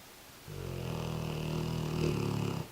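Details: An American Bulldog snoring in his sleep: one long, deep, vibrating snore lasting about two seconds, one of his quieter sessions, as he often snores much louder.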